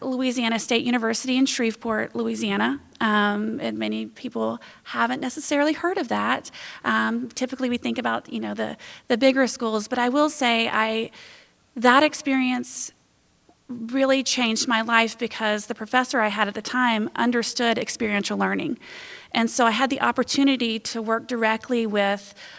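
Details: Adult woman speaking; normal fluent speech.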